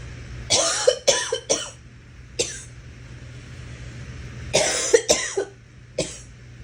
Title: Girl coughing 97